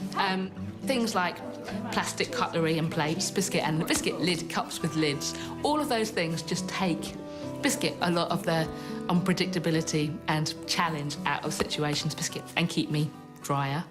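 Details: Tourette syndrome vocal tics in a woman, onset about age six, involuntarily repeating the word "biscuit" hundreds to thousands of times daily, often with chest-punching motor tics.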